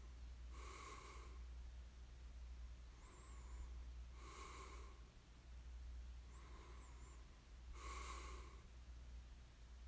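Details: Snoring ASMR recording of a sleeper: soft, breathy snoring bursts about every 3.5 seconds with faint whistling between them over a steady low hum.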